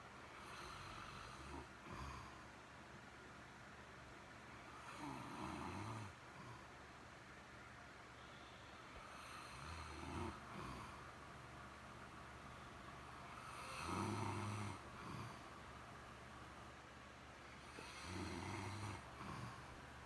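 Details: Snoring by a sleeper described as stoned: low, fluttering snores about every four seconds, around 14 a minute, over a steady background hum.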